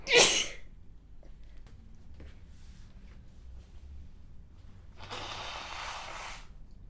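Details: A woman sneezes while reading a Japanese text aloud: one sharp, explosive sneeze, then near silence and a soft, breathy rush of air.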